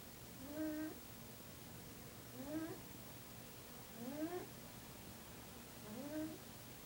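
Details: Pet named Buddy snoring: four short, high, whistling squeaks rising in pitch, roughly one per breath at about 33 a minute in a quiet room; a whistling snore.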